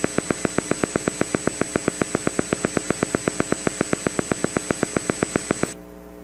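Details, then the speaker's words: EMG teaching recording of a single motor unit: regular crisp pops starting at about 6 Hz and speeding up as contraction increases, not a barrage; motor unit firing on EMG. "okay so you all recognize that it got faster right that's good okay and it's not a barge right"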